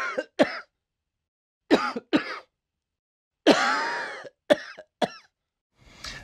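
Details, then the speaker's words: Adult man's genuine, not faked, coughing and wheezing during a viral chest illness, recorded on a handheld recorder on his bedroom carpet: harsh, irregular coughs in short bursts with gasping breaths between, and one long rasping cough. "so all of this is not me faking coughing but Act or wheezing it was capturing myself in the midst of"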